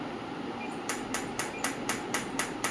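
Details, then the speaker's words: Biotronix PEMF loop therapy device at intensity five: steady hiss with sharp regular clicking pulses about four per second. "you can see the difference in the intensity sound."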